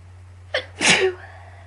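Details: Allergy attack: a single forceful sneeze, a sharp inward gasp then a loud hissing burst trailing off over a low background hum.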